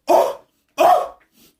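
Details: Two harsh, forceful coughs about two-thirds of a second apart in a quiet room, then a faint breath, in a comedic skit acting out sneezes with allergy mentioned.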